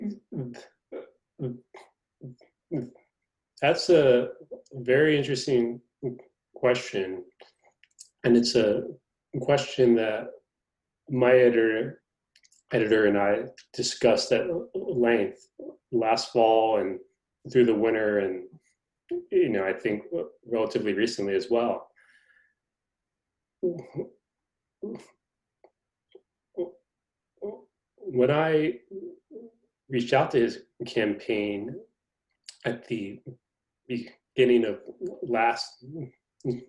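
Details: Adult male reporter who is a person who stutters, noted to have a pronounced stutter; stuttering.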